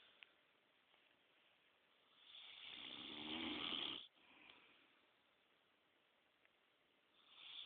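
One long, hissing, noisy breath through a narrowed airway, fitting a snore, over quiet room noise.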